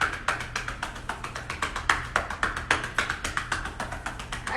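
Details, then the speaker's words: Chest percussion (chest physiotherapy) at home: rapid, fairly regular hollow claps, about 220 a minute, hands tapping up and down a person's back to break up, mobilize and drain mucus from the lungs. "again that is pretty much called chest physiotherapy basically it breaks up mucus in your lungs it mobilizes and drains the lungs"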